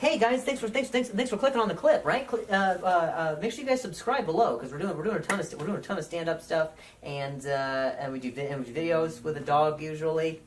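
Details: Acquired stuttering in an adult male comedian, onset at age 20 overnight after a softball hit his throat, causing a minor vocal contusion and a major concussion; no stutter before.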